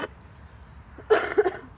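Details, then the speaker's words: Adult coughing outdoors while digging a pond: one harsh cough in two quick bursts after a quiet pause, with faint outdoor noise. "so sorry for coughing. This sounds horrible. I do apologise."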